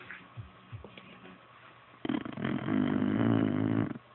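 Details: Beagle snoring in sleep: soft snuffling breaths, then a long, loud, rattling inward snore.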